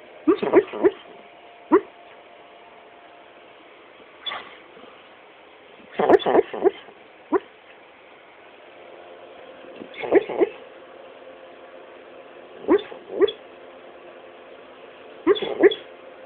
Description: Terra (black Labrador) making noises in sleep